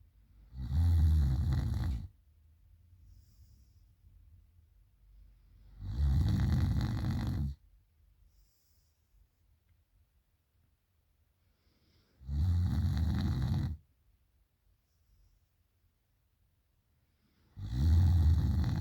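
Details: Heavy night snoring, #snoringgirl: four long, loud, low rumbling snores at about 11 per minute with quiet pauses between them.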